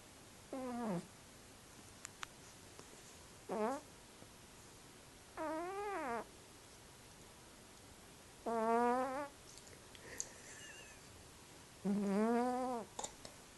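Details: Sleeping Burmese cat making repeated short, squeaky, whistling snores, roughly 18 a minute, against a quiet hiss; snoring.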